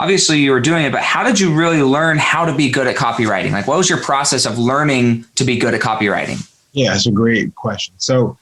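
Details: Adult male speakers in conversation; normal fluent speech.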